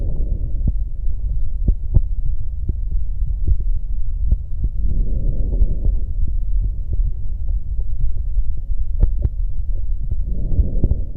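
Soft, low rustling breath swells through the stethoscope, with heartbeat thumps underneath: normal vesicular breath sounds over the chest wall.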